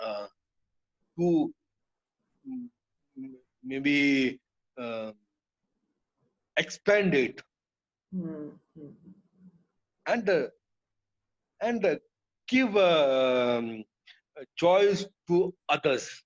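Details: Adult male, years after a haemorrhagic stroke hitting the speech centre with total speech loss, relearned speech through speech therapy; still hesitates and cannot always finish sentences: aphasia after stroke.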